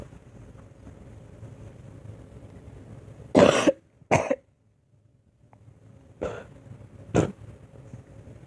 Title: Girl coughing 190